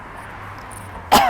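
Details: An adult coughing after walking fast to bring up lung material, which they attribute to their lungs being exposed to frequencies: cough.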